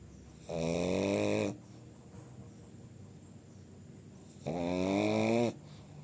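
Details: Sleeping pug snoring: two long, loud, rattling snores about three seconds apart, with quiet breathing between them, typical of a small flat-faced dog.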